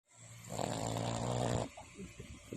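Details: Boston terrier, a short-nosed dog; one loud, low, rattling snore lasting about one and a half seconds, then softer breathing: snoring.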